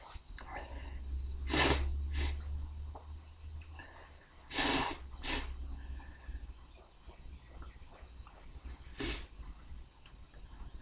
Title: Tickly beer sneezes